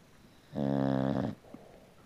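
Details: Bulldog, a rescued puppy-mill mother, snoring peacefully while sleeping in the sunlight: a single short, low, buzzing snore on one breath, then quiet.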